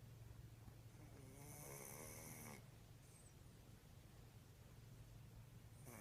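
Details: Sleeping cat, steady rumbling snoring, owner says as loud as father's, fairly loud for a small animal, faint room noise; snoring.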